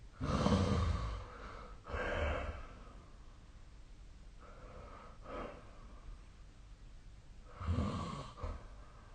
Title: 🐽 本日のイビキ / Snoring Sleep Sound 2025/04/07